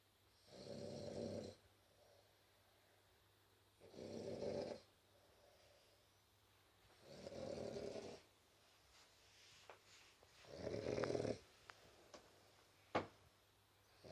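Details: French Bulldog snoring while sleeping: loud, rough snores on each breath in, roughly every three seconds, in a quiet room.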